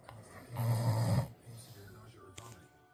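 A single low, rumbling snore on an in-breath, then quieter breathing; ordinary snoring.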